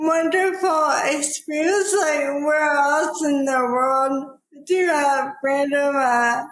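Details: Dysarthria in a woman with probable ALS, diagnosed in 2014 at age 33 after rapid early progression (from Ironman racing to walking with a cane within six months), now about ten years after diagnosis.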